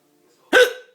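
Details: Single abrupt voiced hiccup, a sharp gulping catch with a brief trailing vocal sound, from a person with two broken ribs who has a severe hiccup problem; hiccup.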